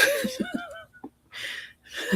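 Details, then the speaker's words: Cough from an adult woman with usually controlled bronchitis and year-round sinus infections, now sicker than usual; she describes coughing fits after cold food like ice cream that sound like barking. "Like I only have real bad coughing fits whenever I drink or eat something cold. So like after I um have ice cream, for example, I'll have a little bit of a coughing thing where it sounds like I'm barking my lungs up, but um other than that, it's not bad."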